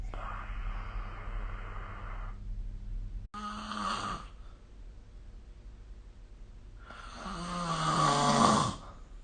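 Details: Snoring recorded with the SnoreLab app: three loud, rough, rattling inhalations during sleep, the last rising to a strong vibrating snore.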